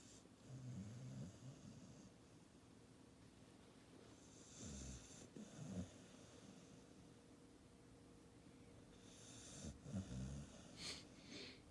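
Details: Soft, low, rumbling snoring breaths in repeated cycles over steady room noise.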